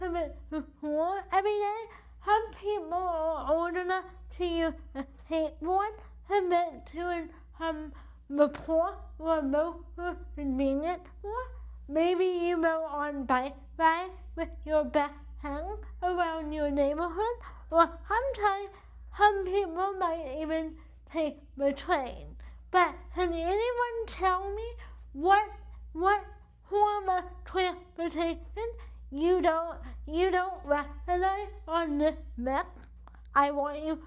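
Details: Adult woman with cerebral palsy affecting the right side of her body, with a weak right arm; she uses a wheelchair and says CP affects how she talks and moves. Dysarthria (cerebral palsy).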